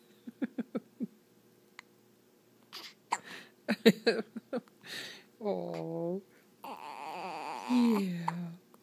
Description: Poor little 5-day-old baby has the hiccups. This does not amuse him!